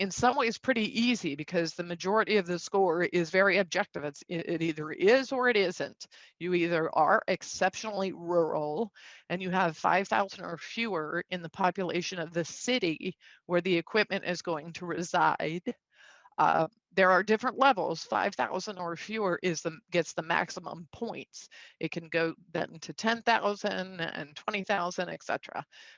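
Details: Adult with spasmodic dysphonia, a neurological vocal-cord disorder diagnosed via a telemedicine consult a couple of years after 2001, who says it is audible and acts up; also has Duane syndrome; spasmodic dysphonia.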